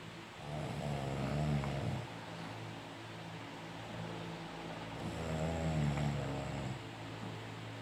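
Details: A father snoring beside the recorder: low rumbling snores on two breaths in about eight seconds, with quiet room noise between them.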